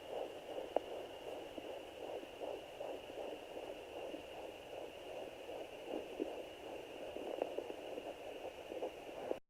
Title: Fetal doppler 13 weeks 5 days